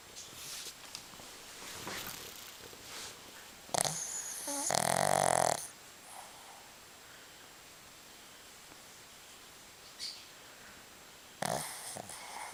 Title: Snoring Shih Tzu